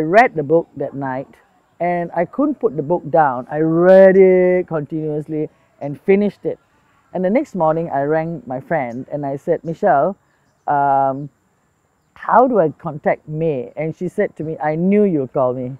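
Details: Adult woman speaking; typical speech.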